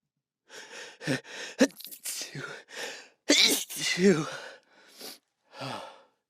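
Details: Adult sneezing in a sound-treated room after deliberately provoking it; a burning, tickling feeling at the roof of the mouth is described. Sharp inhaled catches and a forceful explosive burst among short vocal sounds.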